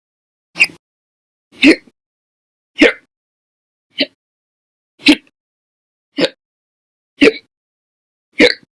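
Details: Eight sharp, abrupt hiccup sounds about one second apart, roughly 50 a minute, in a quiet room; a run of hiccups, audio only, recorded during April 2020.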